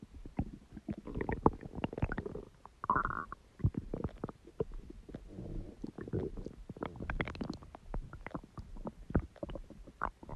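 Irregular gurgling, bubbling and rumbling abdominal noises with short squeaks, ordinary stomach growling from gas and fluid moving through the gut.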